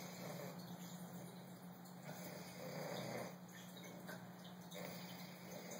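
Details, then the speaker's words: Cat with AIDS (FIV) that has left him blind, now with an upper respiratory infection not responding to antibiotics, sinus cavities swollen; soft rattly snoring-like congested noisy breathing with faint wheeze. "AIDS first robed him of his vision now he's got an oper respiratory infection that he just doesn't have enough of immune system to fight even with antibiotics I'm sure you can hear how he's wheezing while he's still comfortable now he won't be for long"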